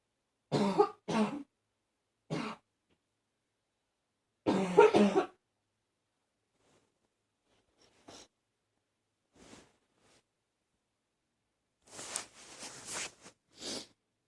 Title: #40 Coughing... mostly barking